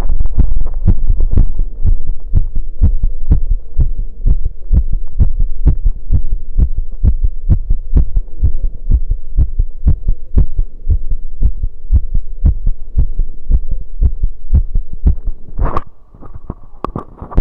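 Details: Heartbeat recorded after running: fast, strong, steady thumps with a low hum behind; normal heart sounds sped up by exercise.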